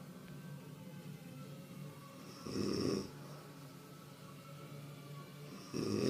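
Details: Sleeping adult woman snoring, swinging from loud warthog-like snorting to nearly stopping, then sharply returning: two harsh, rattling snoring breaths over steady room noise.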